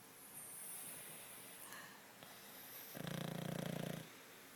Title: Snoring Pug